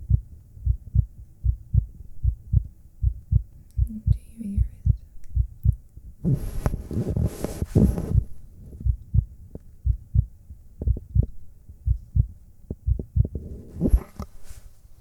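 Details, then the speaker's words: Simulated ASMR sleep-clinic doctor roleplay: the performer plays her own heartbeat through a stethoscope, steady and regular at about 75 beats a minute, with brief rustling. Normal heartbeat. "you want to hear my heart P now maybe you like to hear my heartbeat all right that sounds like fun so here you go"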